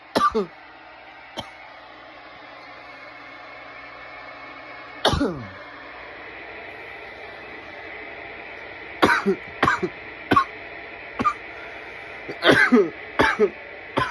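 Harsh single coughs and clustered dry coughing bursts over room hum: an irritant cough after inhaling smoke.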